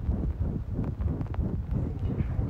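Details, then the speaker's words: Cat heard by stethoscope: rapid, low heart thumps with a steady whooshing between beats, a heart murmur; such murmurs may come and go and do not correlate with disease severity. "Sometimes the murmur is clear. Sometimes it comes and goes. Here is an example."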